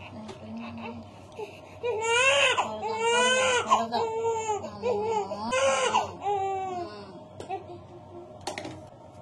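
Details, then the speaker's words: Strong wailing cries settling to whimpers from a newborn boy on hospital day 2, right after BCG and hepatitis B vaccine injections; vigorous ordinary pain cry, newborn cry. "అయిపోయింది baby. నువ్వు ఏడుస్తుంటే నాకు ఏడుపు వచ్చేస్తుందిరా. ఏంట్రా వీడు ఇంత ఏడుస్తున్నాడు?"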